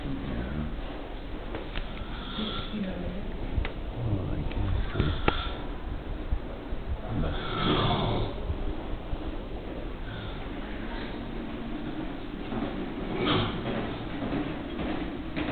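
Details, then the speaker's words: Elderly woman in a neurosurgery ward of a general hospital, sleeping, with loud, rough, noisy breathing and snorting snores over steady background noise; reportedly worse at night: snoring. "I don't know if it's the loudspeaker here is real, can make out with this breathing sound. But at night it was worse."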